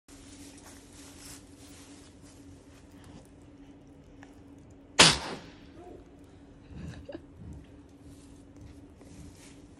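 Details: Young captive black rhino calf at a zoo gives a single sharp, explosive sneeze, fading with a brief snuffle, over a steady low hum; sneeze.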